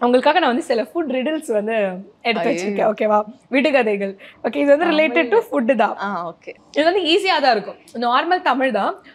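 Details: Adult woman; typical speech.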